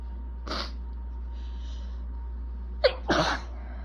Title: I’M BACK! With BAD allergies! Itchy, desperate sneezing fit w/building congestion (recorded 3/21)